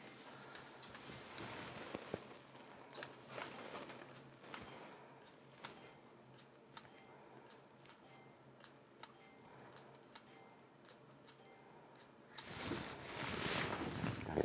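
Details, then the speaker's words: Soft, sharp clicks at irregular intervals with rustling near the end, from Potenza RF microneedling on the lower face with a semi-insulated 25-needle tip, monopolar setting, 2 mm depth, skin held taut; device pulses. "We will use this with a monopolar setting at a depth of 2 millimeters to target the deeper dermis and cause tissue tightening through soft tissue coagulation."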